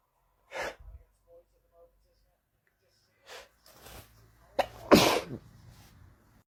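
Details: A few quick catching breaths, then one loud, forceful sneeze with a short trailing breath from a man; ordinary sneeze.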